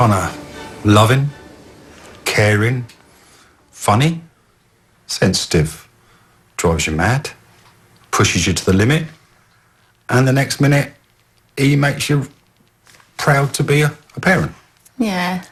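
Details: Adult speaker (parent); normal speech.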